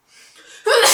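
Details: A single sneeze from a model: a soft, breathy indrawn breath builds for about half a second, then breaks into a sudden loud, hissing voiced burst.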